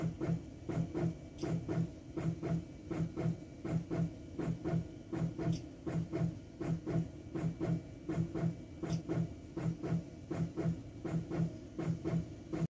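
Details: Teleflex Arrow intra-aortic balloon pump on main display menu: steady, regular pneumatic thump-and-whoosh pairs, about 81 a minute, over a faint mechanical hiss.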